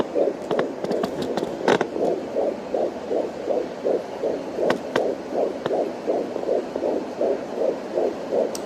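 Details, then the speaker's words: Fetal heartbeat on a home Doppler: fast, soft, galloping whooshes around 160 a minute, with bumps from probe movement and the baby moving and kicking. "Even though the machine is not registering the number, I know that's baby's heartbeat because it's like a galloping sound, like a horse galloping."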